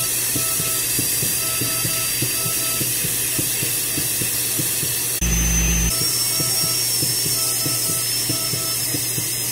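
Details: Steady high whine and hiss of a dental drill and suction during a cat's microscopic dental treatment at an animal hospital, with a low hum and faint music behind; dental drill and suction.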